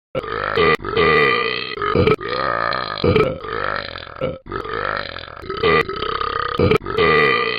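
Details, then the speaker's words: Repeated burping: about five or six long, loud, voiced belches separated by brief pauses. "I like to burp a lot."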